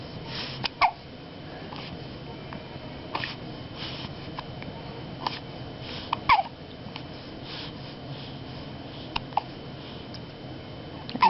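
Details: Brief, abrupt voiced catches recur irregularly, roughly a dozen a minute, with soft babbling between them: hiccups.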